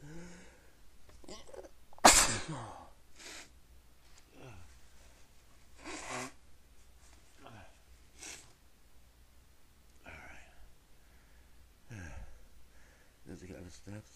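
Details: Person trying to stifle sneezes but unable to stop: a loud full sneeze followed by several smaller, partly held-back sneezes and sniffs in a quiet room; repeated sneezing.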